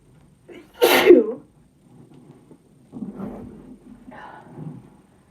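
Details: Woman's sneeze deliberately induced with a Q-tip in the nose: one sharp explosive sneeze, then quiet breathing and a brief murmur.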